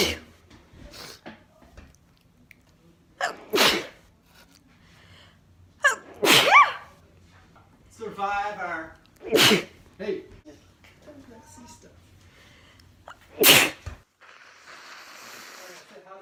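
About five forceful sneezes in a row, then a nose blow, typical of allergic sneezing.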